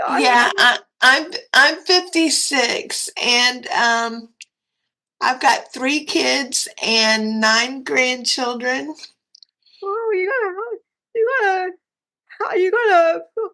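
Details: Dysarthria in a 56-year-old woman with cerebral palsy and quadriplegia; a commenter said she sounded like she was having a stroke.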